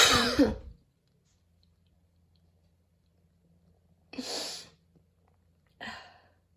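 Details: Person after running outdoors at the start of allergy season, dizzy and nearly fainting afterwards: three coughs, the first harsh and rasping, with quiet gaps; wheezy cough, whistling tone faint.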